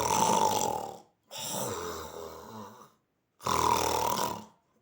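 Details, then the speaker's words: Simulated snoring: an adult imitates three loud, rough, rattling snores to show the sound of a narrowed airway in sleep, as when nasopharynx, oropharynx and larynx muscles swell; snoring, obstructive sleep apnea (OSA). "ঠিক হুবহুব একেবারে 100% কিন্তু এই ডাকের সাথে কিন্তু মিল আছে। এটা কি বলা হয়? নাক ডাকা বা ওএসএ, অবস্ট্যাটিক স্লিপ অ্যাপনিয়া।"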